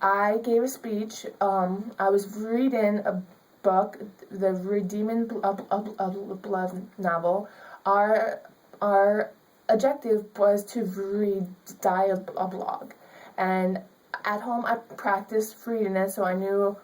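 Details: Young woman with stuttering.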